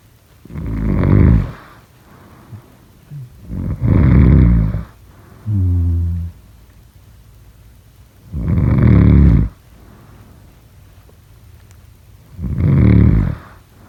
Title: #snoring #snoringasmr #sleepnoises #snoringsleepingsoundeffect #snoringsounds